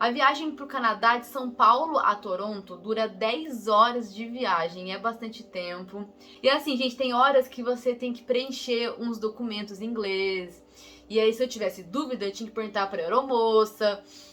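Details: Woman who says she is a person who stutters, speaking Brazilian Portuguese; real stuttering.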